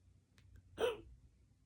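A single short, sharp hiccup with a faint voiced squeak in a quiet room; one hiccup.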